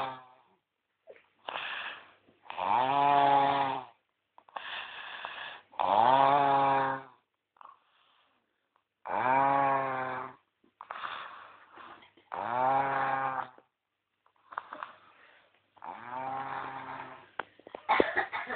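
Loud, rough, buzzing snores on each breath in, with quieter breaths out between, about 18 breaths a minute.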